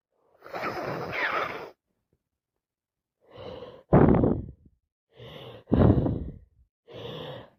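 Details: Repeated forceful nose blowing, snorting and sniffing with sighing breaths and some sneezing: congested nose during a bad head cold.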